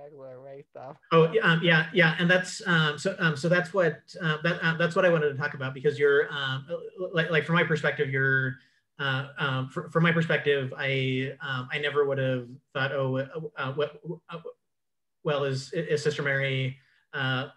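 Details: Adult man who identifies himself as a clutterer; cluttering.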